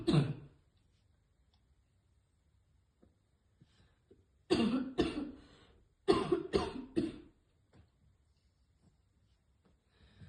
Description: Girl trying to hit vape but always fail and choke on it which cause hard coughing